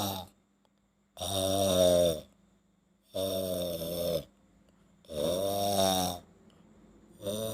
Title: (Funny Video) Very snoring brother